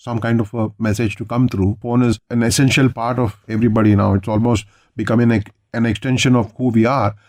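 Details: Adult male speaker; Normal fluent speech.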